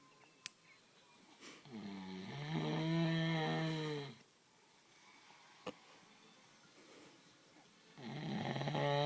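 Two long, loud, rumbling drawn-in breaths with a buzzing, droning tone in a quiet room; snoring from a cow.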